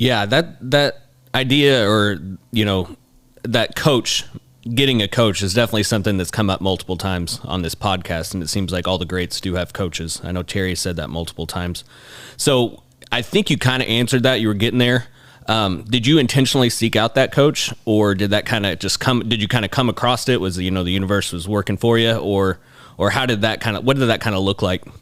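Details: Adult male speaker; typical speech.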